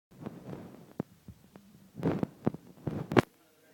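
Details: Dog fast asleep with eyes and mouth open, dreaming: soft, irregular snorting breaths and brief nasal grunts with small clicks between them, consistent with snoring.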